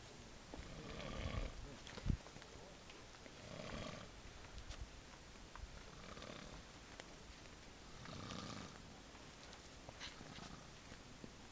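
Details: Snoring during a camping trip: low, rough, rumbling breaths recurring about every two and a half seconds over heavy background hiss.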